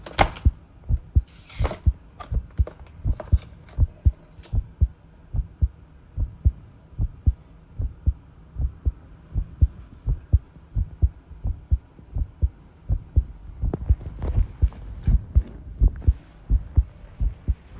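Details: Self-recorded heart sounds with arrhythmia, taken while tidying a room: heartbeats around 80 a minute with uneven spacing, an irregular rhythm, plus rattling background noise from the tidying.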